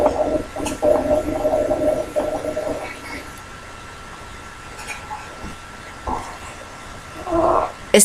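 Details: Harsh, high-pitched musical breath noise with a steady tone from a teaching recording of abnormal breath sounds: stridor, from a narrowed upper airway.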